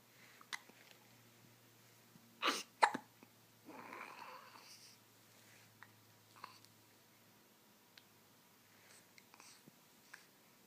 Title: waking up with hiccups